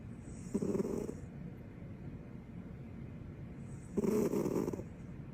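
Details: Female dog snoring in her sleep with her tongue out: two soft, snorting snores over steady background noise.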